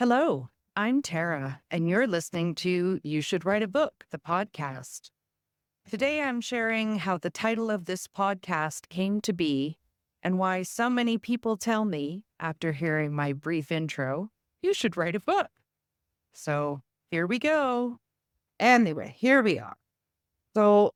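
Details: Adult woman speaking; ordinary speech.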